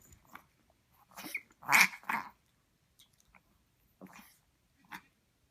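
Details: Dog recorded for the vet: several short, harsh coughing bursts with snorting, snuffling sounds, separated by pauses; coughing and snorting.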